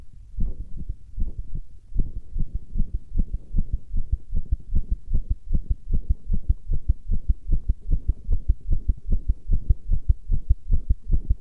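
Strong, steady low thumps at about 150 a minute; a fast heartbeat.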